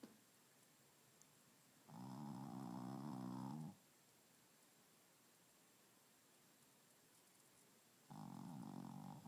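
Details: Snoring, likely a dog: two buzzing snores on breaths in, with quiet pauses between, in a still room.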